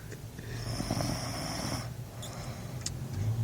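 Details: A sleeping person snoring: a deep, rough rumbling breath with a fluttering rattle through a single long inhaled cycle in a noisy room.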